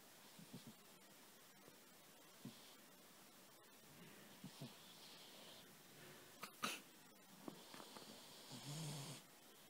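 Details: Cat snoring loudly while dreaming, with twitching: soft, irregular snuffling breaths in a quiet room, ending in one longer rattling snore.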